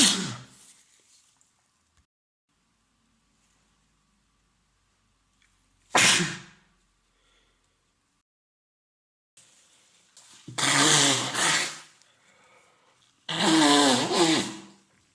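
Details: Man with a common cold (day three, congested, runny nose, sore throat): four sneezes separated by quiet pauses, the last two sharp and voiced.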